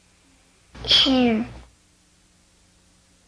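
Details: Child with cleft palate speech substituting pharyngeal affricates (glottal stop plus pharyngeal fricative) for oral affricates.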